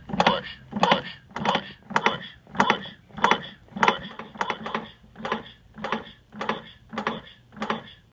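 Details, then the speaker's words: A CPR assist device's recorded voice repeats "push" about 94 times a minute after instructing at least 200 compressions in two minutes at a depth of at least two inches, during a demonstration of hands-only CPR. "should do at least 200 chest compressions in two minutes at a depth of at least two inches push hard push fast push push push"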